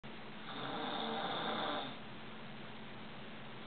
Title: Snoring